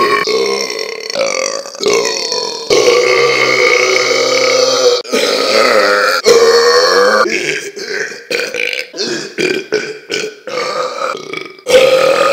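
A run of loud, long, deep voiced belches one after another; repeated burping.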